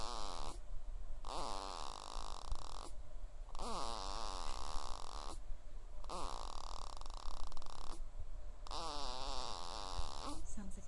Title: Snoring baby!